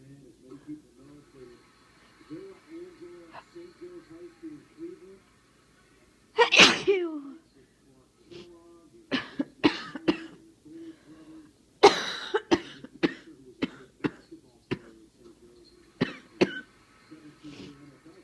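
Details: Repeated sharp coughs, one harsh bout then a run of short hacking coughs over a quiet background hum, from a head cold turned chest cold; chest-cold cough.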